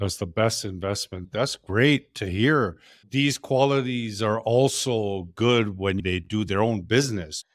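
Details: Adult male speaker; ordinary speech.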